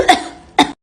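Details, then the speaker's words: Two short, sharp, dry-sounding cough bursts about half a second apart from an adult with an itchy throat, acted in a comedy skit; cough. "Siapa itu yang batuk bukan saya bu bukan Aduh tenggorokan segala gatel mulu tahan tahem"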